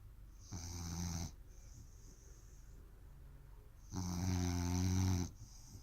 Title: 1 min of snoring Rooster